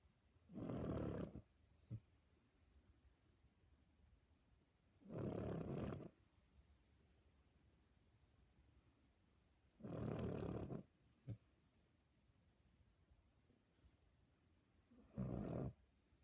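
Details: Sleeping Cavalier dog snoring: four loud, rough snoring breaths about every five seconds, roughly 12 a minute, with quiet pauses between.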